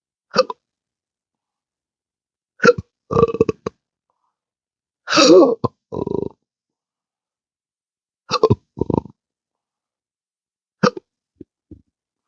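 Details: Intractable hiccups with belching since December 2015, after surgery with nerve damage (pudendal nerve injection, phrenic and vagus involvement): abrupt, repeated hiccups at irregular intervals, several followed by short belches.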